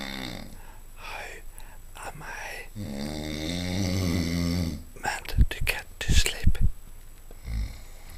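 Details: Adult man snoring: deep, rumbling snores, with a long vibrating inhalation followed by choppy snorting bursts, typical of heavy snoring.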